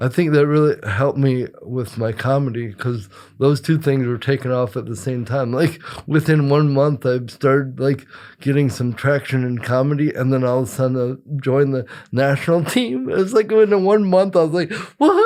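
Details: Dysarthria in an adult male with congenital cerebral palsy, attributed to brain injury or lack of oxygen at birth after an emergency C-section.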